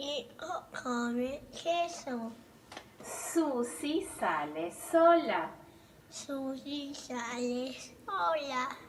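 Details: Patient with cleft palate repeating test phrases, showing backing of sounds with glottal and pharyngeal stops. Compensatory articulation.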